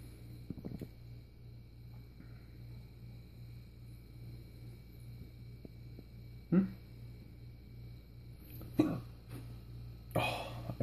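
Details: Hiccups after a night of drinking: three abrupt, sharp gulping catches a couple of seconds apart over a steady room hum.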